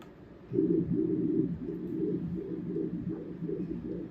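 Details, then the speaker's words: Liver Doppler ultrasound from an intercostal approach with breath hold, sampling the left hepatic vein near the IVC: rhythmic whooshing pulses with each heartbeat, two below and one above baseline, a normal triphasic hepatic vein waveform. "And again we can see that triphasic waveform. So two below, one above. Two below, one above. That's triphasic. That's a beautiful representation of a hypatic vein."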